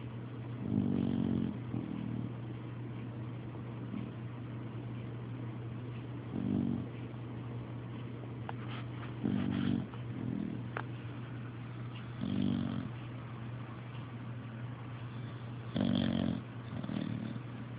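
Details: Very loud snoring during sleep: low, fluttering snores every three to four seconds, often in in-and-out pairs, over a steady low room hum.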